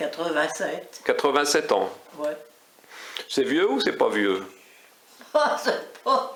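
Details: Elderly woman speaking French; speech.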